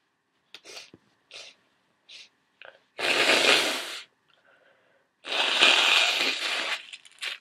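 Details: A few short catching breaths, then two muffled, hissing sneezes held back through the nose; stifled sneezes in a congested person.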